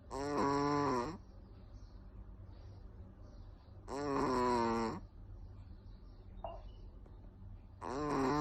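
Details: Chihuahua sleeping, loud regular rumbling snores about every four seconds, roughly 16 a minute, with quiet room hum between; snoring.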